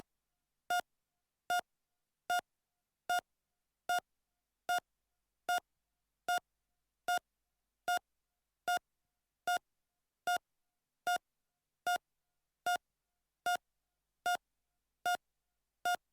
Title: Heart Monitor _ Normal Rate _ Sound Effect (Royalty Free)